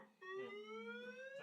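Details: Training defibrillator in a CPR safety class, charging before a shock while everyone is told not to touch the patient: a rising electronic alert tone, followed by the shock and a restart of chest compressions.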